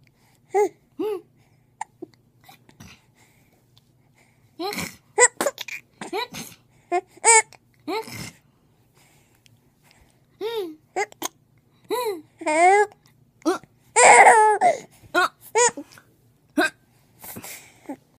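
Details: Infant hiccups: short, abrupt vocal hiccup sounds repeating irregularly, about 40 a minute, mixed with babbling and small cries.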